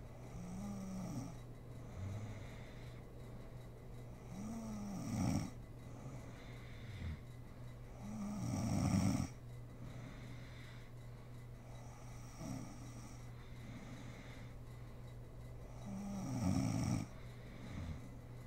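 Rhythmic rough snores on each breath in, about every four seconds, over a steady background hum; ordinary sleep snoring.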